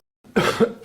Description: coughing for over a minute